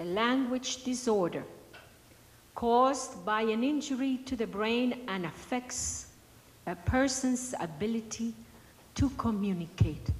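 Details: Adult woman speaking; normal speech.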